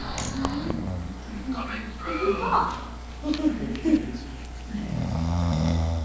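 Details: Woman who denies snoring, saying she just breathes heavily, asleep with loud, low, rumbling snores and fluttery rattles, breaths running into one another over room noise; heavy snoring.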